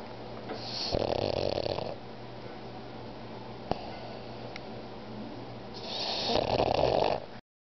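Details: 3-year-old pug, sleeping: two long, rough, rattling snores about five seconds apart with quiet room noise between; snoring.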